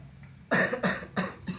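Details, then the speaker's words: Adult man whose ribs/chest are said to be dislocated, with cough and shortness of breath, sitting upright and asked to breathe and cough: four short, forceful voluntary coughs in quick succession. "ayo, ya, sekarang bagaimana kamu mencoba untuk berdiri tegak, tegak, tegak, bagaimana kamu bernapas, batuk, batuk, bagaimana rasanya"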